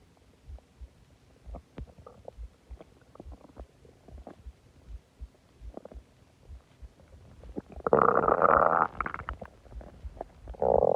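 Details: Stomach growling after eating a lot and drinking a soda: bubbling, gurgling abdominal clicks building into a loud, long groaning growl; normal borborygmi.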